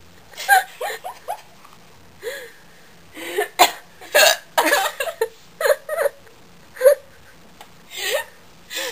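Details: Woman who had been hiccuping for about a minute before recording: repeated short, abrupt voiced catches, about a dozen in nine seconds, some with small vocal sounds between them: hiccups.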